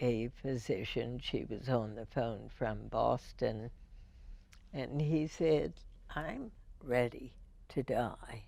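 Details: Woman with spasmodic dysphonia, diagnosed in 1998, treated every four months with botulinum toxin injections into the vocal cords; speech with deliberate pacing; spasmodic dysphonia.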